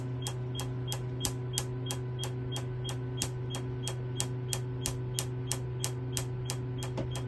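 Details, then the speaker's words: Q-switched Nd:YAG laser (1064/532 nm) firing on a banana demo for tattoo/pigment removal, small spot, energy varying with distance: sharp regular snapping clicks about three a second over steady machine hum. "you can see when I use different distance close to the treatment area the energy is different"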